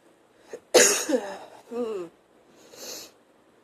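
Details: Sneeze during a bout of sneezing, coughing and nose blowing: a sharp indrawn breath, an explosive burst, then a shorter voiced burst and a nasal blow.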